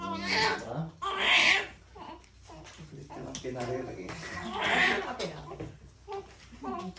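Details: Loud, high-pitched crying bursts from a newborn, with pauses for breath between cries; a normal vigorous newborn cry, recorded during newborn care of a first baby.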